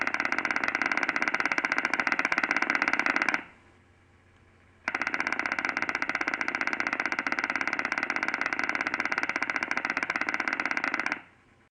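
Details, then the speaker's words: Single-fiber EMG: rapid, crisp, slightly varying clicking discharges; mean interpotential interval 480 microseconds, MCD and MSD both 10 microseconds, jitter 10 microseconds, which is normal jitter. "the mean in a potential interval is 480 microseconds both MCD and MSD are ten microseconds the jitter is recorded as 10 microseconds"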